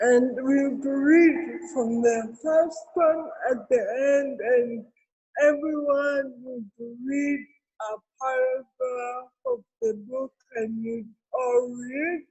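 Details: Real speech from an adult woman with cerebral palsy: dysarthria (cerebral palsy).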